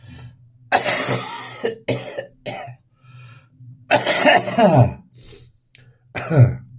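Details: Adult's morning cough with spitting: a run of harsh, rough coughs and throat clearing, a productive cough with expectoration.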